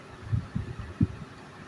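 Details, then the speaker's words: Ultrasound scan of an active, viable intrauterine male fetus: soft, quick low thumps of the fetal heartbeat under a steady hum from the scanner. "here you can see the head of the feeders and here you can see the heartbeat of heaters this is active fetus"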